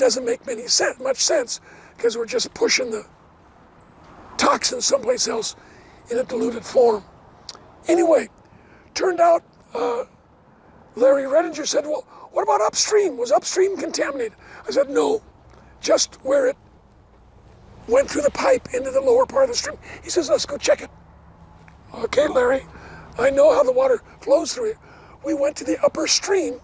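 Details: Adult man, never a smoker, with two bouts of vocal cord cancer (suspected secondhand smoke); one third of vocal cords removed in 2008, leaving raspy voice: dysphonia after partial vocal cord resection.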